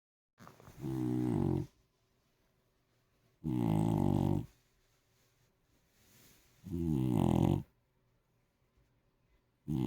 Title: Our Snoring Dog Rufus 🤣 #dog #cute #funny #animals #cute #puppy #pets #love